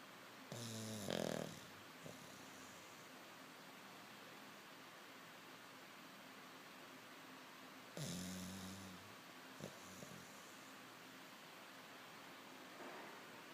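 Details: Sleeping English Bulldog gives loud, rattling snores on its in-breaths, about two in this short stretch.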